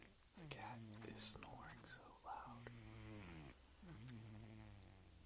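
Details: A female cat snoring loudly while asleep: soft, voiced snoring with drawn-out buzzing breath sounds in a quiet room, ordinary snoring in a cat.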